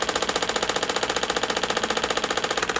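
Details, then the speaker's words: Rapid, even mechanical pulsing with a buzzing rattle, about ten pulses a second, from a shockwave therapy handpiece on the sole of the foot of a patient with plantar fasciitis, held on a tender spot; treatment combined with class 4 laser. "an entire treatment usually takes between 8 to 10 minutes to do and what we do is we combine the shock wave therapy with class 4 laser"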